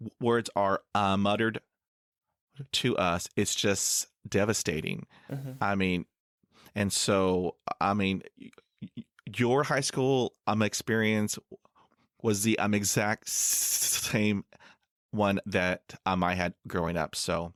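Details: Stuttering with blocks in an adult man, a first-year PhD student, who has stuttered since about age 3 to 3.5.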